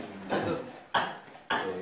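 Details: Three short, dry coughs in quick succession, about half a second apart, from a young male K-pop singer.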